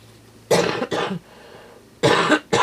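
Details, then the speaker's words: Adult woman with a cold caught from her son, coughing: four short, harsh cough bursts in two pairs, separated by quiet room noise; the last is cut off. "You can hear I'm already coughing. He came back with a cold when Tisha took him to the children's hospital."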